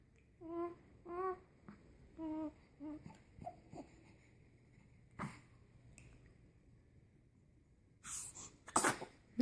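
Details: Baby babbling and fussing while playing, then two quick sharp sneezes near the end; ordinary infant sneezing.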